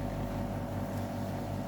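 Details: Steady low motor hum of a suction machine switched on, set to about 80, in a simulated adult suctioning demonstration with size 16 catheter; suction machine running.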